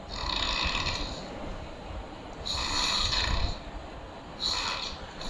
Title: Stop Snoring Naturally | खर्राटे के कारण, लक्षण और इलाज | Dr Sharma